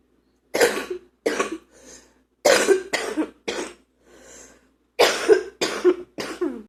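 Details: Adult deep coughing, recorded in the morning: nine deep, forceful coughs in three runs of three, each run followed by an audible indrawn breath.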